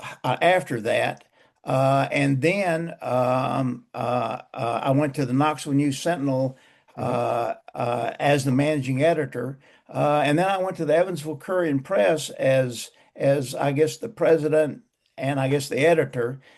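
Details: Man close to 80 who still stutters, describing mainly blocks and poor airflow with some repetitions; stuttering.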